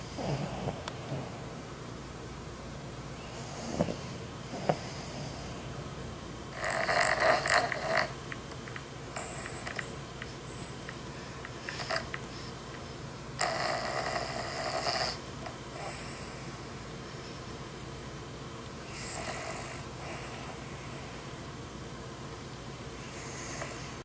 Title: Dog Gets Woken Up By The Sound Of His Own Snoring